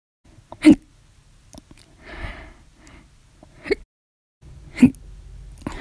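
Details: Violent, loud repeated hiccups in a bout lasting over ten hours after meals and soda: three loud sharp 'hic' sounds and a faint one in about six seconds, with breathing between.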